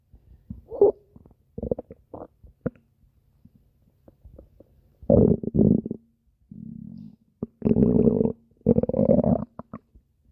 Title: Spinel’s stomach growling (request) (READ DESCRIPTION FOR REQUESTS)